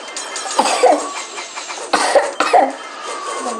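Two or three short, loose coughs over a quiet background of game sounds; a plain cough with a cold.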